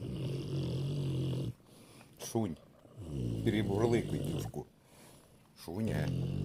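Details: Snoring: low rumbling snores with snorting breaths in a quiet room.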